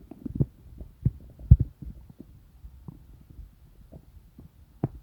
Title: Stomach Rumbling sounds | real digestive noise & satisfying